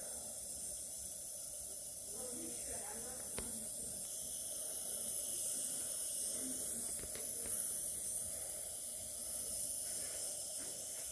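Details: Nebulizer running during emergency department treatment of an asthma attack; the patient is receiving aerosol inhalations.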